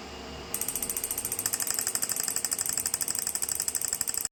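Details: Rapid, steady mechanical clicking at about 180 pulses a minute: the Physiwave MT685 dual-handle 6T magnetic stimulation physiotherapy device for pain relief running, shown in an operation demonstration with adjustable frequency and intensity.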